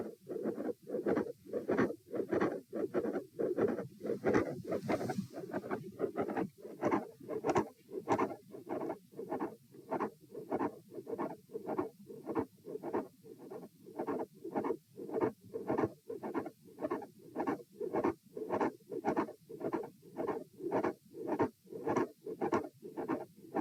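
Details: Heart auscultation stress test at position A, with the patient lying, sitting, standing and then lying again: rapid, regular heartbeat with a mid-systolic click and a fixed split second heart sound.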